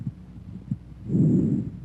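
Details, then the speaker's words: Bronchovesicular breath sounds, heard in the 1st–2nd anterior interspaces and between the scapulae: intermediate pitch and intensity, inspiration and expiration about equal in duration, silent gap may or may not separate them. "bronchovisicular sounds have an intermediate pitch and intensity inspiratory and expiratory sounds are about equal in duration and a silent gap may or may not separate them"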